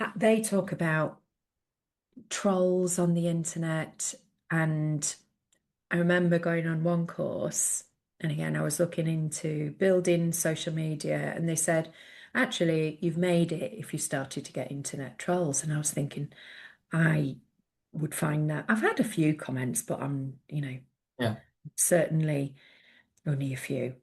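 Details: Adult woman speaking; normal speech.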